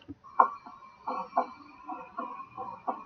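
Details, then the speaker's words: Repeating heartbeats with a resonant, musical, humming murmur riding each beat from left ventricular outflow tract flow, grade 1–2/6 systolic, decreasing on standing and Valsalva: a benign innocent Still's murmur. "there right there you hear that resonant sound that's the sound that you're going to hear from the stills murmur and have to be very benign"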